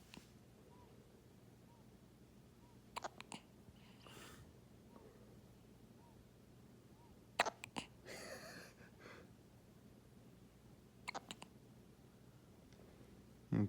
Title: Baby vs Hiccups